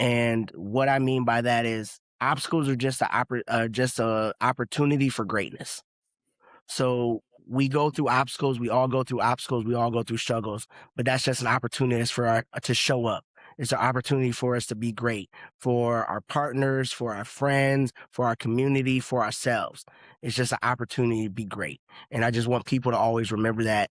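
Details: Adult man speaking; no speech disorder.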